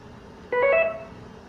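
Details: Brief two-step electronic alert tone, about half a second, from an intravenous infusion pump over quiet room noise.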